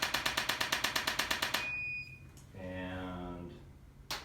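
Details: Rapid, regular mechanical taps about three a second, then a brief steady tone and beep as a handheld adjusting instrument shuts off. Chiropractic treatment for shoulder pain at the biceps tendon and front of the arm.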